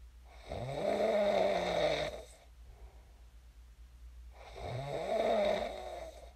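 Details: Loud, rattling snoring on each inhalation, about 4 seconds apart, with quiet exhalations between; heavy snoring during sleep, recorded as ASMR.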